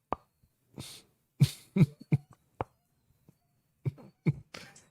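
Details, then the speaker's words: Jaw popping (temporomandibular joint click): sharp, irregular pops and clicks from a man's jaw in a quiet room, made on purpose. "the whining no my jaw popping oh yeah now we heard that as well"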